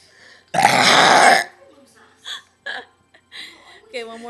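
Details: Friends deliberately burping on cue in a contest, one complaining a burp is stuck and hurts: one long, loud, rumbling burp, then shorter vocal sounds and laughter in a small room.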